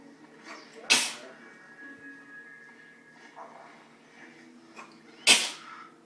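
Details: Young daughter sneezing after eating half a cheeseburger: two sharp, explosive sneezes about four seconds apart over quiet room noise.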